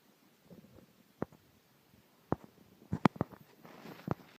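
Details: Stomach growling from a hungry person who had not eaten for 6 hours: quiet gurgles and a few sharp squelching pops over a faint background.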